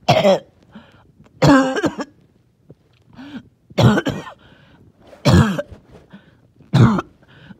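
Five harsh, wet-sounding coughs with brief throaty, rattly breaths between; a phlegmy productive cough with a wheezy edge.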